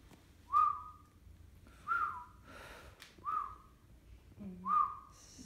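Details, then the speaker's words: Imitated wheeze: four short whistled tones, each dropping slightly in pitch, imitating the dry whistling wheezes with prolonged expiration heard on auscultation in obstructive bronchitis. "so prolonged excavation that we hear that's 1 2 is we hear dry whistling rebels"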